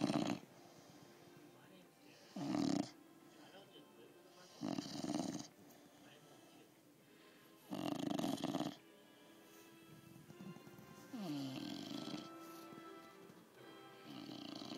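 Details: Snoring while lying on the recorder's chest: loud rhythmic snores roughly every two to three seconds, with faint background music; ordinary snoring.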